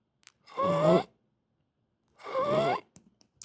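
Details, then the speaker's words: Two drawn-out, whistling, musical breath sounds imitated by voice to illustrate the pediatric auscultation wheeze of bronchial obstruction or an asthma crisis; high-pitched continuous wheeze. "Cómo suena cuando tiene sibilancias ya o sea obstrucción bronquial o o asma una crisis de asma"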